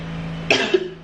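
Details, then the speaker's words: Adult woman with a current cough: a single abrupt cough burst against a steady low hum in the background. "like can you hear me cough I know you can I have cough and that's why I want to show you guys"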